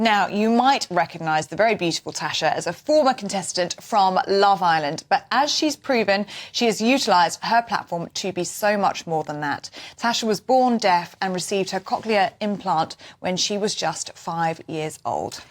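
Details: Adult female narrator; normal speech.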